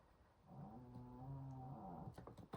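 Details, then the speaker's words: A pet dog ("he") snores in the background while sleeping: one drawn-out, low rumbling breath lasting about a second and a half, followed by faint tapping in the room. "you hear my little boo boo snoring in the background he has such a good life he has eat sleep play and just do his business"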